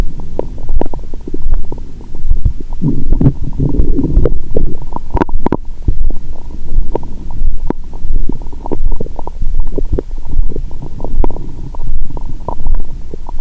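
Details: Stethoscope over the abdomen of a woman (period due, bloated) after a 22-hour fast, Christmas dinner and wine that left her drunk: continuous low gurgles, rumbles and clicks, active bowel sounds after a large meal.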